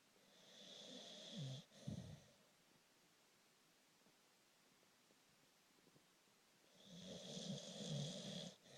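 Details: Snoring: two long, rough, rattling breaths with a snort between them, separated by a quiet pause.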